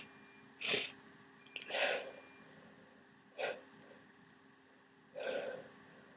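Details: Four loud, forceful sneezes over about six seconds, each a sharp burst of air, during a cold.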